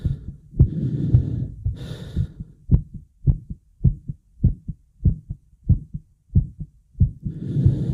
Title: My heavy breathing and heartbeat